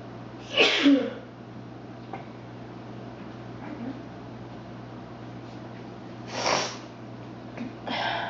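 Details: Person with frequent repeated sneezing, a normal day for them: two sharp, hissing sneezes a few seconds apart with small snuffles between.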